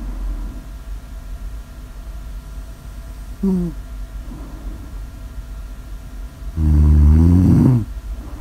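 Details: Snoring recorded for ASMR audio: a shorter throaty snort, then a loud, rattling, drawn-out snore over steady room hum.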